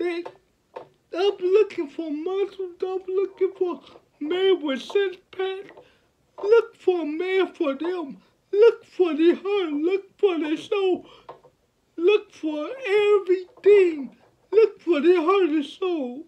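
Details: 29-year-old man with cerebral palsy since birth, born at five months' gestation, speaking about his life and disability; finding: speech in cerebral palsy (dysarthria)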